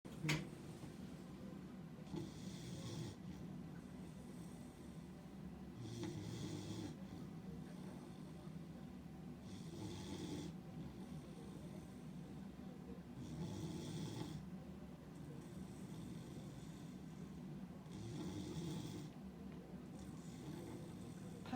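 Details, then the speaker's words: Sleeping dog snoring in a good sleep: low rumbling snores with hissy exhalations repeating about every four seconds over steady room noise. "Papa. Papa. She's snoring."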